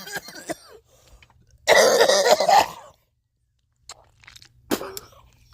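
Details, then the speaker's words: Run of coughs, a few short hacks, one long harsh rasping burst, then a final cough, from a person who has been coughing a lot lately; doctor has prescribed cough medicine. "because I've been coughing a lot lately and so"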